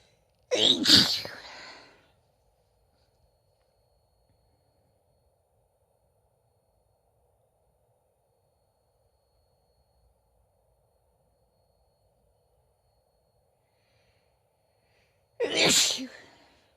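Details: Two sharp, explosive sneezes from a female, separated by a long silence.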